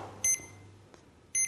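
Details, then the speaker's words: Legacy PCA morphine pump with the purge key held down to purge the tubing: a series of three short, high-pitched electronic beeps, a normal device signal. "Vous entendez alors une série de trois biper s'affiche à l'écran."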